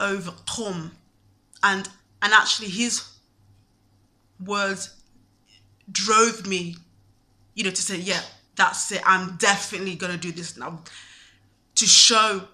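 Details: Stuttering (stammer) in a man, present since at least his university years.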